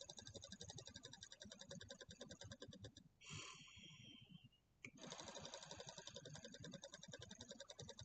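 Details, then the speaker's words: Rapid buzzing flutter during long, forceful exhalations through a handheld oscillating positive expiratory pressure airway-clearance device, coached by a respiratory therapist over about 10 deep breaths, with brief pauses for breath; oscillating PEP device in use. "doing good see if you can really kind of squeeze that air through just even a little bit more as long as it's not tiring you out feel how those vibrations a little more forceful takes a little longer to get that air out"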